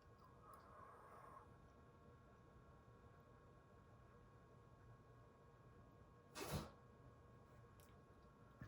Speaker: Did you hear that? That was Moo sneezing.